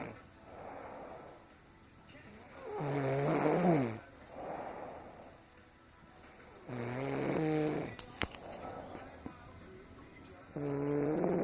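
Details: A sleeping mother snores, recorded by her child: slow breaths with loud, rattling, voiced snores on several breaths, about 16 a minute; ordinary snoring.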